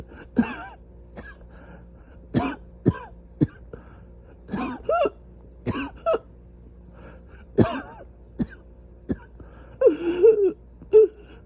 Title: Coughing *severely inflamed airways*